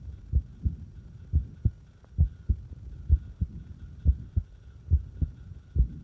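Low thumping heartbeat at about 70 beats a minute with uneven spacing between beats, an irregular rhythm.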